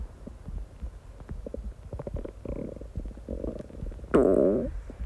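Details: Gurgling, bubbling rumbles ending in a louder drawn-out growl, recorded while at work: constant stomach growling (bowel sounds).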